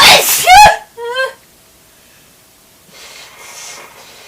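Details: A single loud, explosive, spraying sneeze, then a short voiced sound and quiet room noise.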